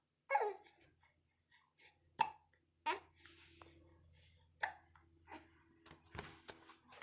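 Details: Infant hiccups while happy: short, sharp catching sounds at irregular intervals, with soft baby vocal sounds between them.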